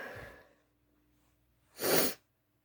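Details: Acted (simulated) sneeze in a roleplay, likely female: a breath in, then one sharp, forceful sneeze burst, from someone in denial about a cat allergy whose nose tickles; a sneeze.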